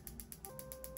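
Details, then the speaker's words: Piezowave2 focused shockwave therapy (ESWT) device applied with gel by physical therapist to own wrist (TFC area) at intensity 2, searching for achy dysfunctional tissue; rapid regular ticking pulses about eight a second over a steady tone. "As I told you this this one has diagnostic function. So I feel um if I feel the achiness pain here that means that's the area having a dysfunctional tissue."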